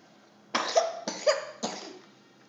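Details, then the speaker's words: Three quick, loose daytime coughs from a young girl in her high chair during dinner. "Poor thing has a cough right now."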